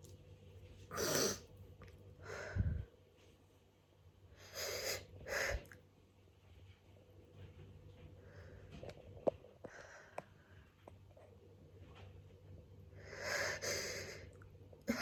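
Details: Repeated messy hay fever sneezing: several loud, explosive sneezes with sharp intakes before them and sniffling between them, in a small room.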